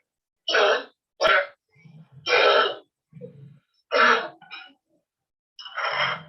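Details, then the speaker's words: Loud, harsh, honking dry coughs in about five irregular bursts from a child with chronic cough present only by day and absent at night, with prior abdominal pain and clear investigations; diagnosed as habit cough. "this child has a cough only during day time there is no cough at night time so that is one of the clinching diagnosis and this was a habit cough"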